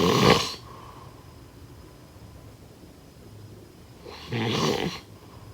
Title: #snoring #snoringsleepingsoundeffect #snoringsounds #snoringasmr